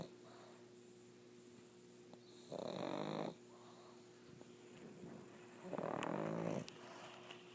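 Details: Sleeping pug: two loud, rattling snores separated by quiet breathing over a steady low background hum; snoring.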